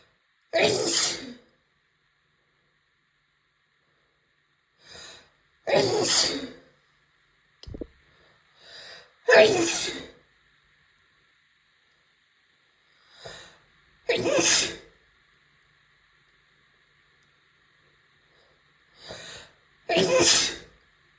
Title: big allergie sneezes (F)